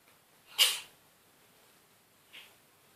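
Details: Cat with a cold lasting a few days, sneezing constantly: one sharp, hissing sneeze then a fainter second puff of air in a quiet room, sneezing.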